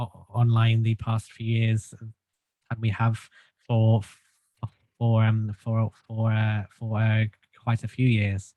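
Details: Stuttering in an adult male since childhood, treated with group speech therapy; stuttering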